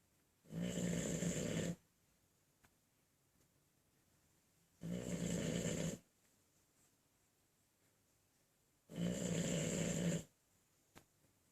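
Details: Bulldog sleeping on a couch, snoring loudly, with rattling snores on each in-breath, three over about eleven seconds with quiet gaps between.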